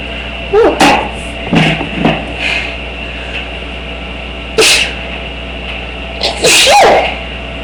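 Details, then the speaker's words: Several sharp, explosive sneezes, some preceded by a short indrawn breath, over a steady hum; sneezing deliberately brought on by smelling perfume during a sneezing challenge. "There you go. That was a real sneeze. Barely came up. So I think I sneezed enough."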